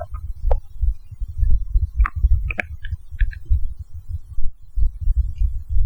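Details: Stomach growling after drinking a can of cola: low irregular rumbling with a few brief higher gurgles and pops from gut activity; bowel sounds (borborygmi).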